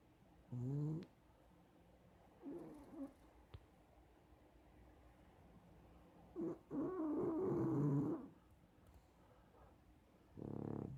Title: I DON'T SNORE